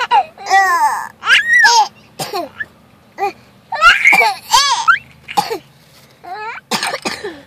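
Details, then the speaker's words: Cough from a girl while her sister laughs. "You like when your sister coughs. I don't like it though when I cough."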